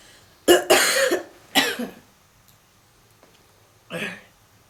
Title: Lying Down Smoking with Heavy Coughing and Wheezing